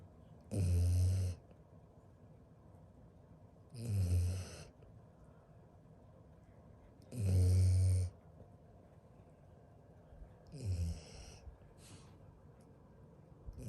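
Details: Very sleepy boy asleep: four low, rumbling snores a few seconds apart, about nine a minute, slightly uneven, in a quiet room; ordinary snoring.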